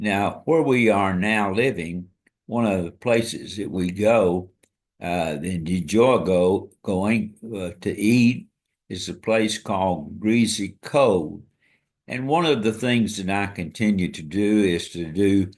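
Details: Dysarthria in an adult man, a retired pastor, with ALS (amyotrophic lateral sclerosis) diagnosed February 2024 after earlier diagnoses of Parkinsonism, Parkinson's disease, spastic paraplegia and primary lateral sclerosis; he reports his ability to walk and speak is failing.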